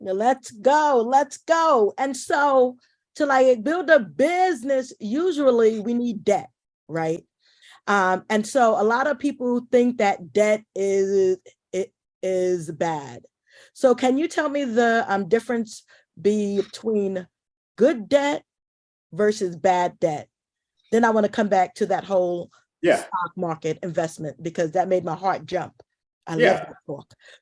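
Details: Adult woman who says she is a stutterer: stuttering.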